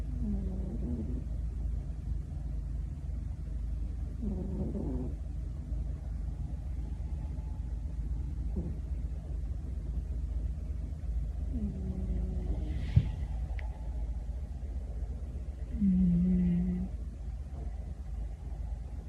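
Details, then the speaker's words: Resting cat snoring beside its owner: soft, low, rasping snores recurring every few seconds over a steady low background hum. "隣で猫がいびきかいてる。聞こえる？"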